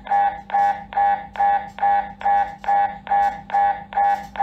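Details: MRI scanner noise during an MRI: loud, regular mechanical buzzing pulses about 140 a minute over a steady hum; irritating, ear plugs or headphones advised.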